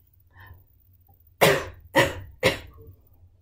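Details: Three sharp, harsh cough bursts in quick succession after a quiet breath, demonstrated while teaching children how to catch a cough or sneeze; a plain cough.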